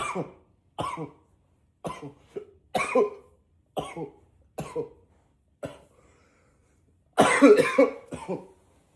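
About ten separate single coughs in quick succession, some deeper in pitch, ending in a short louder cluster; repeated coughing.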